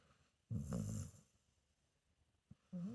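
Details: Sleeping senior pitbull-mix dog: low, rumbling snore on a breath, a second beginning at the end; snoring.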